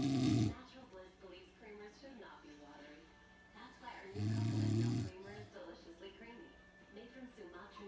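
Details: Loud, coarse snoring: two snores about four seconds apart, heard over background music and television talk.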